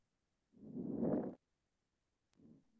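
Soft, grainy crackling through a simulated stethoscope at the lung bases, then a brief spoken word: fine crackles on a virtual patient.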